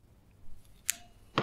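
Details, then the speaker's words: Adult's left knee clicking while weight-bearing, straightening from a short lunge in flexion beyond 90 degrees: two sharp, brief clicks about half a second apart in a quiet room; knee crepitus, present for a couple of months. "so I'll drop down to a very short lunge and there's a click I'll just make an adjustment here shifting the microphone so that it'll pick up the clicks a bit better"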